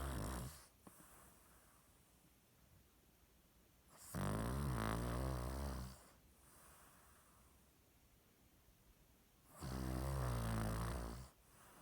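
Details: Cavalier King Charles dog: low, buzzing snores every five to six seconds, about eleven breaths a minute, quiet breathing between, surprisingly loud for a tiny dog. Snoring.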